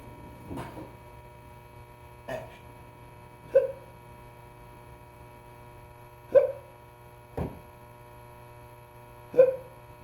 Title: The hiccups